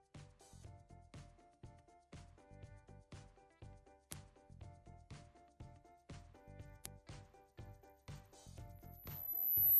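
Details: Hearing test tones at various frequencies, for finding the upper limit of audible range.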